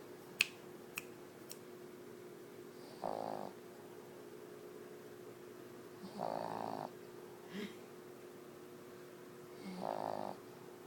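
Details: Soft, regular vibrating snores about every three seconds, roughly 20 breaths a minute, over room hum from a sleeping Boston dog; snoring.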